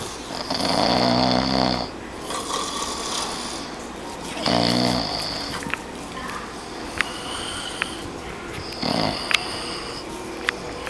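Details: Sleeping person snoring: loud rattling snores on each breath in, about three to four seconds apart, with quieter breathing and occasional clicks between; ordinary snoring.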